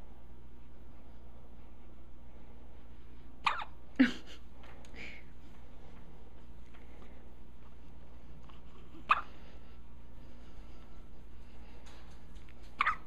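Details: Infant boy in diapers with brief, sharp hiccups recurring irregularly, about four in thirteen seconds, over quiet room hum; almost sounds like he swallowed a chew toy. Hiccups.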